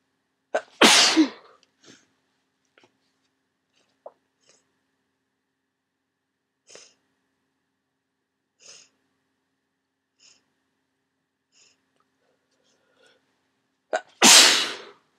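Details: Wet, forceful sneezes into tissues during a head cold with swollen sinuses, some deliberately induced when stuck; each has a sharp intake before it, with sniffs and tissue rustling between.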